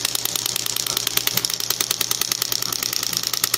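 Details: Shockwave therapy device on a patient's elbow for tennis elbow, a second treatment after one treatment relieved pain, firing rapid, sharp mechanical clicks at roughly 146 pulses a minute.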